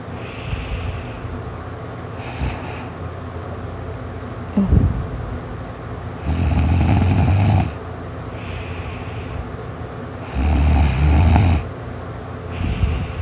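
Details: Person napping, just starting to snore: loud, rough snores about a second each, recurring every few seconds over steady room noise; snoring.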